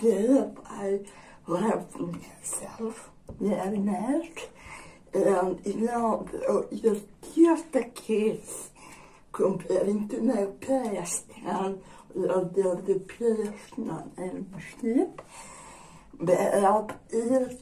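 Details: Probable dysarthria in an adult woman with generalized dystonia.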